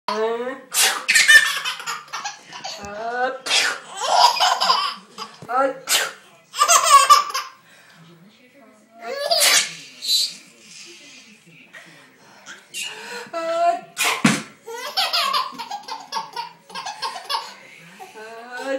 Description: 6 month old baby boy laughs when grandma sneezes